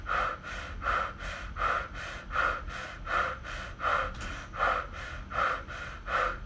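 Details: Subject seated in a closed body box with hands on cheeks, doing quick, even, shallow panting at about 80 a minute against the mouthpiece during body plethysmography lung-volume measurement, followed by a big breath and a push out.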